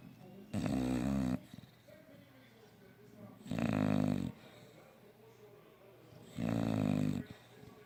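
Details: Sleeping bulldogs snoring: loud, rattling snores about every three seconds, with quieter breathing between; ordinary dog snoring.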